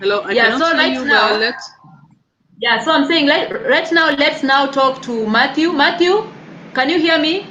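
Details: Adult woman speaking; ordinary speech.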